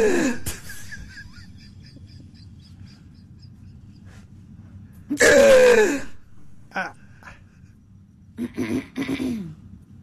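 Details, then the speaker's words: A woman's unusually dramatic, sneeze-like hiccups: loud gasping bursts with a sharp pull of air, then a quieter catch, over room hum. Her husband sounds annoyed and the dog was startled. "No, that's the weirdest form of hiccups. It's like sneezes, I guess. Everybody has a different sounding hiccup."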